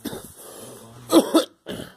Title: Girl coughing